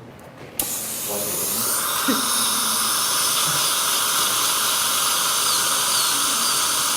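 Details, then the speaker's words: Steady high-pitched dental drill whine while adjusting the occlusal surface of an over-erupted upper molar, to make room opposite a mini dental implant site. "Okay. Let me just do a little adjustment on the upper tooth. Make a little room."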